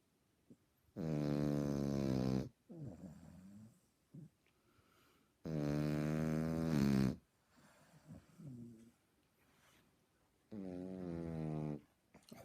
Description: Lloyd our 18 week old frenchie snoring like a drunk old man via YouTube Capture